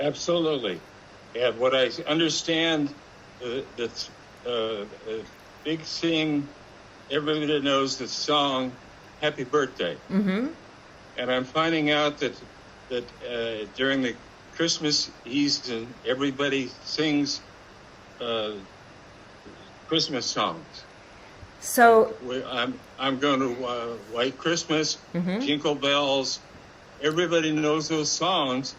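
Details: Adult man with aphasia, a former attorney, who completed an eight-session aphasia webinar program: aphasia.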